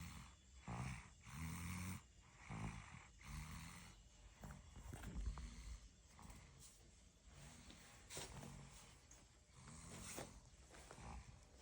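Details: 14-month-old toddler snoring during a daytime nap without a pacifier: soft, rough, rattling breath sounds about every two seconds, quieter toward the end.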